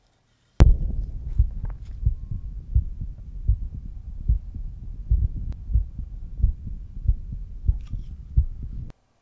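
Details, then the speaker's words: A medical student records his own heart with a Stemoscope Bluetooth stethoscope in diaphragm mode at the mitral area: regular low thumps at about 85 a minute, no added sounds; normal heart sounds. "so I'm just going to go back to my mitral valve again but we're going to put it on the diaphragm though just so you can hear the difference in how it sounds"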